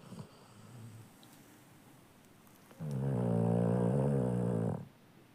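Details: Sleeping Labrador Retriever dog snoring: soft breathing, then a long, loud, rattling, vibrating breath lasting about two seconds.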